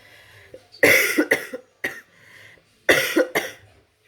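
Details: Adult mother with flu gives about five harsh, abrupt coughs in short bunches in a quiet room; cough due to influenza.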